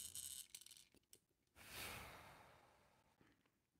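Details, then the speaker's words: Incentive spirometer used as a breath builder in a wind-instrument air-support demonstration, after exhaling old air: long, steady, deep in-breath through the device, rising then slowly fading; sustained maximal inhalation. "okay I'm gonna do it once more I'm gonna get it to the top okay"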